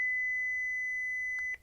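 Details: Philips HeartStart OnSite AED demonstration: after shock advised and the flashing orange button is pressed, a steady high electronic tone held about a second and a half, ending with a click, signalling shock delivery.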